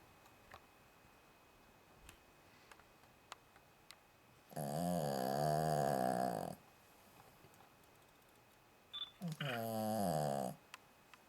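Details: About 9-month-old female Cavalier King Charles Spaniel, a loud snorer, sleeping: two long, loud, droning snores separated by quiet breathing; ordinary snoring.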